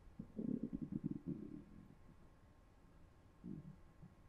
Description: After consuming three particularly distasteful slices of pizza, the effect was not pleasant. We put our little *Zoom H1n Recorder to the test by placing it against the stomach of a volunteer (me) and captured this AUTHENTIC audio for your listening and or editing pleasure.